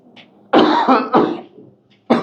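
An adult gives two harsh, loose-sounding coughs in quick succession, then a third begins as the sound cuts off: ordinary coughing.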